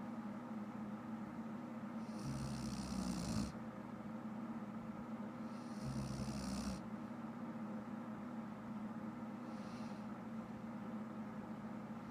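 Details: Loud snoring from an adult woman who fell asleep while watching shows: two loud, rasping inspiratory snores about four seconds apart and a fainter third, over steady room hum.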